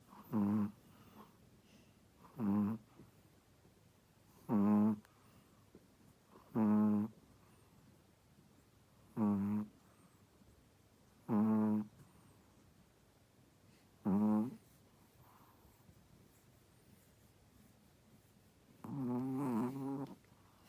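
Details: Pregnant first-time-mother Shih Tzu sleeping: regular short, buzzing snorts about every two seconds, around 28 a minute, in a quiet room; dog snoring.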